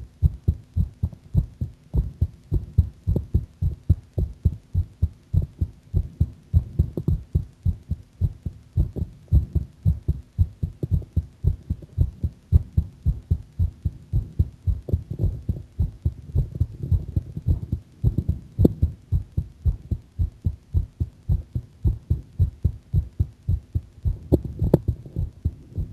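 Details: Heartbeat a bit faster than usual: steady, quick low thumps at roughly 110 a minute; fast heartbeat.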